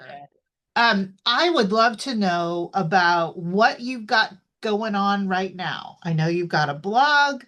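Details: Adult woman, interviewer; typical speech.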